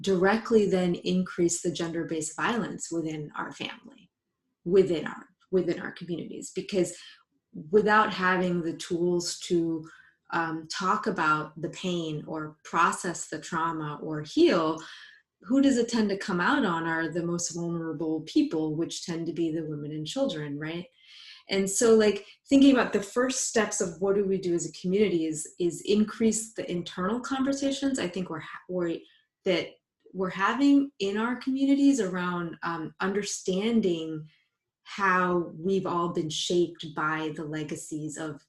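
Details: Adult female psychologist, a person who stutters, speaking spontaneously as a live panelist; word and part-word repetitions are heard; stuttering.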